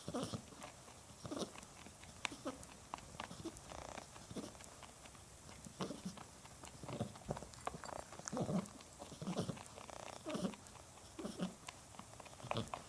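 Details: A pet's breathing recorded 04-21-2018: repeated noisy breaths, some carrying a brief musical whistling tone, consistent with wheezing.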